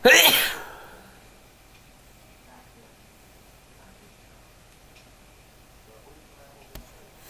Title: Morning Sneezes